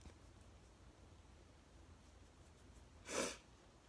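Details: One of a series of 22 very wet sneezes with nose blowing: one sharp, explosive sneeze after a few seconds of quiet room sound.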